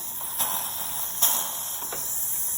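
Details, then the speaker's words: Dental air-water syringe giving a water-only isolated rinse after local anesthetic injection, before a root canal on tooth number 8: steady high hiss with brief bursts. "and now I'm getting ready to do a nice isolated rinse with just water. Okay, little pinch. And then we're just gonna go water right there."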